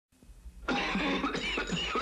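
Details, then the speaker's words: Acted adult cough from a 1980 Formula 44D cough medicine commercial: after a quiet start, a harsh, forceful run of coughs, with the character complaining of a nasty cough plus congestion. "please Helen with this nasty cough plus congestion I need formula 44d"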